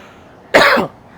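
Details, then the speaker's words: A single short, harsh cough from an adult male performer whose voice suddenly went; he suspects pollen. Quiet room, about a third of a second long. "मैंने खुद को समझाया कि बस खांसी ही तो आई है"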